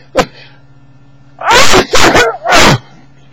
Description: Sneezing for bio presentation